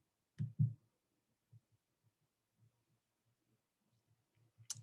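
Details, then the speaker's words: Soft low thumps recurring in a steady pattern after two louder opening beats; a normal heartbeat, presented for contrast with a slower bradycardia example. "this is a normal heartbeat"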